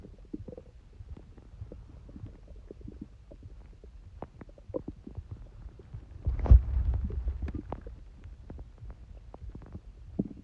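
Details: Stomach rumbling recorded during a cold: soft low gurgles and clicks with a louder rumble midway; ordinary bowel sounds.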